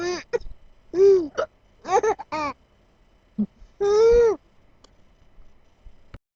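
Several short, sudden voiced hiccup sounds at irregular intervals, with quiet gaps between them.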